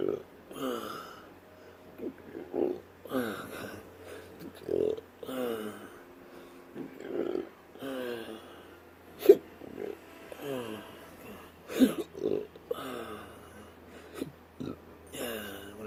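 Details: Short voiced burps and hiccup-like gulps recur every few seconds, about 24 a minute, from an adult with intractable hiccups and burps present since surgery in 2015, recorded at a physical therapy workout session.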